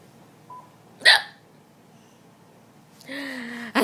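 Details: A person's single sharp, abrupt hiccup in a quiet room, followed by a brief voiced sound.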